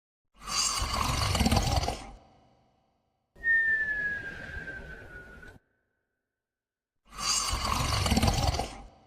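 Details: Snoring from a sleeping dog: slow, rough breaths at about 17 a minute, one with a brief high whistle.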